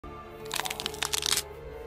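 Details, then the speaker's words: A quick run of crackling, crunching pops from a bending knee, a "katkat" sound that may indicate early-stage arthritis: knee crepitus. "आपके घुटने में भी ऐसी आवाज आती है या फिर कटकट की आवाज आती है तो ये अर्ली स्टेज ऑफ अर्थराइटिस हो सकता है"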